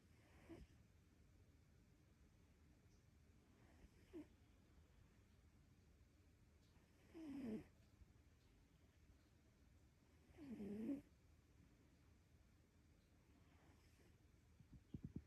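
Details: Soft, quiet snoring breaths from a sleeping cat, with a few louder snores at irregular intervals over a low background hum.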